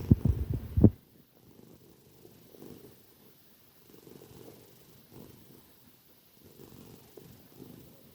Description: This tortie cat was enjoy her sleep and snoring very loudly!